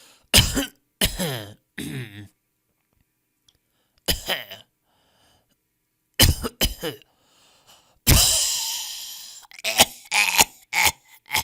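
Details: Audio resource of people coughing in different styles: several separate coughs, from short dry barks to a longer rasping hack, with silent gaps between; cough.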